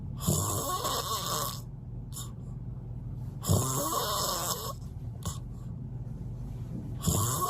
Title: Even the loudest snoring couldn't stop me from sleeping well😂🤪 #snoring